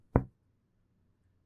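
Two percussion taps on the chest; the first rings with a low, hollow note before fading. Normal resonant percussion note.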